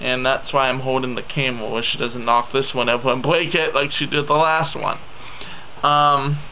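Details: 27-year-old man with what he calls the loose type of cerebral palsy; he says his tongue is very loose and cannot pronounce letters as others do; real speech; finding: dysarthria (cerebral palsy).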